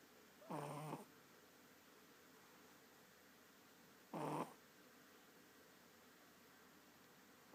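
Two loud, rough, buzzing snores about 3.5 seconds apart over quiet room noise, a slow snoring rhythm during sleep.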